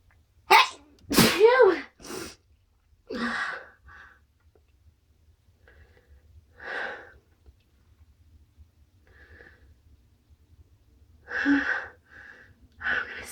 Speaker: Phew. Phew. I'm gonna sneeze.